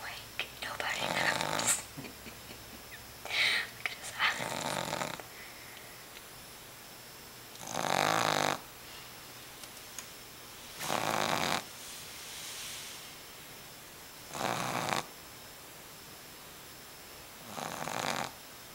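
Repeated rasping, whistly snores about every three seconds, around 20 breaths a minute, with quiet breathing between them; steady snoring.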